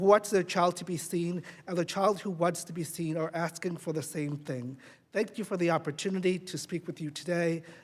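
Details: Adult speaker; normal voice.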